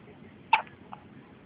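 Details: Newborn baby boy with frequent hiccups, said to have hiccupped constantly in the womb: a single sharp, brief hiccup with a quieter catch after it, in a quiet room.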